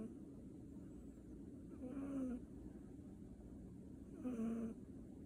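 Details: Cat (tagged kitten) that often snores: two soft, short snoring breaths while sleeping, over a steady background hum; harmless snoring.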